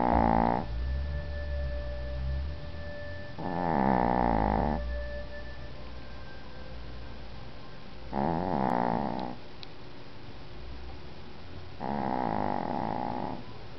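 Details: Benny asleep: four slow, rumbling snores at regular intervals, about four per minute, over steady low room hum; snoring.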